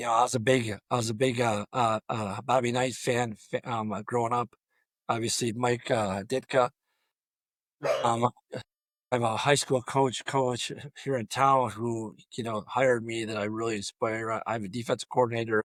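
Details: Adult male high school football coach with long-standing stuttering throughout a coaching career of over 34 years; he reports his own blocks fall on the letter D; stuttering.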